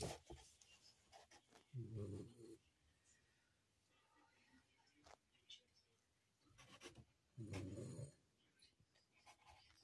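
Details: Charlie, a Yorkshire terrier, snoring: two low, rumbling snores about five to six seconds apart, roughly eleven breaths a minute, with quiet room noise between them. Snoring.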